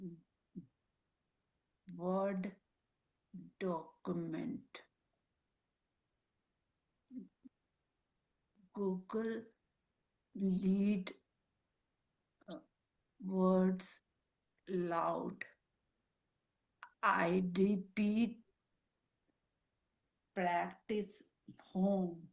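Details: Woman with aphasia and apraxia of speech after a stroke; speaks Marathi, Hindi and English, with words coming out mixed; aphasia with apraxia of speech.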